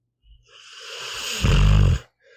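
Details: Pit bull dog snoring while asleep: a single long, rising snorting breath ending in a deep rattling snore.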